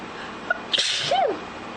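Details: A young woman takes a quick breath in, then gives a single sharp sneeze followed by a brief vocal trailing sound; an ordinary sneeze.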